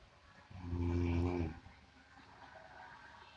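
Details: Snoring likened to a water buffalo's: a single loud, low, rattling snore on breathing in, about one second long, then quiet breathing; snoring.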